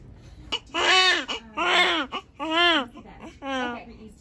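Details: Newborn boy, second son, just after delivery: four loud, piercing wails in quick succession, each about half a second long; a newborn's cry.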